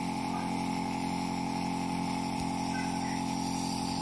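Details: A nebulizer used for a cold and cough makes a steady mechanical hum with a fast, regular rattle. It is the nebulizer compressor running.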